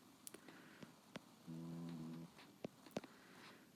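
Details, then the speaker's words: A single brief, tonal snore from a sleeping dog during a math lesson recording, with faint clicking and room noise around it. "sorry if you can hear my dog snoring"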